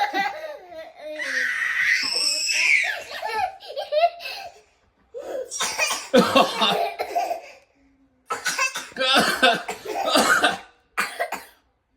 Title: My silly screaming, giggling, coughing little munchkins!